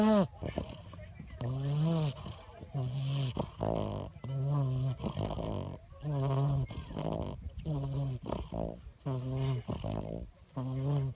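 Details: Sleeping bulldog puppy snoring: loud, rattling snores with voiced, almost groaning tones, about 35 a minute.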